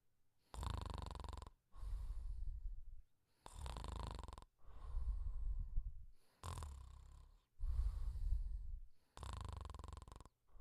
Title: The Pink Panther Sleeping & Snoring Quietly